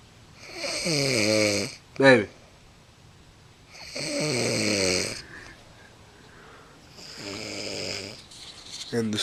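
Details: Woman snoring: three loud, buzzing snores about three seconds apart, with a short snort between the first two.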